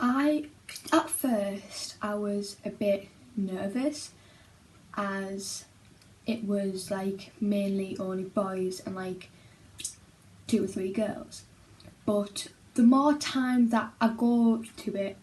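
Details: Secondary-school-age girl who stammers and attends a speech therapy group for children who stammer; stammering.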